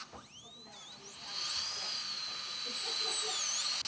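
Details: Dentist drilling his own cracked tooth, working blind, to prepare it for a crown after numbing; a high-pitched dental drill whine rises in pitch and runs steadily, with small dips as it cuts.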